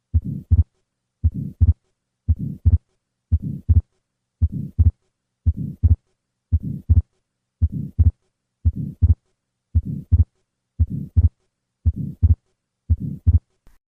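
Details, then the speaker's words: Patient with atrial septal defect: three normal beats, then a fixed split second heart sound with pulmonic closure noticeably later than aortic from prolonged right ventricular ejection, then a systolic pulmonic flow murmur added; fixed split S2 with pulmonic flow murmur. "The fixed splitting of the second heart sound is caused by prolongation of right ventricular ejection. This results in a pulmonic closing sound which is noticeably later than the aortic closing sound."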